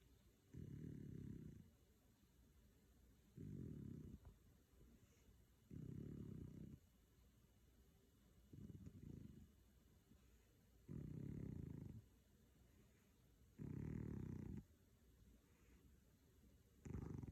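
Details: Male sleeping soundly and snoring; regular low rumbling snores about every 2.5 seconds, roughly 24 breaths a minute, with quiet pauses between them; snoring.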